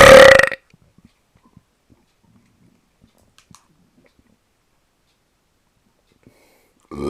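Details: One loud, short voiced belch at the start, then near silence with faint clicks: a single burp.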